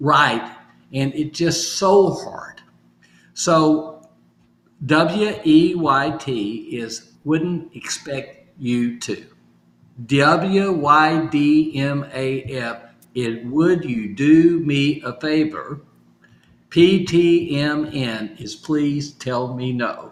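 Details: Adult male stroke survivor with aphasia caused by stroke, still recovering, practising phrases from sticky notes as part of home therapy; aphasia.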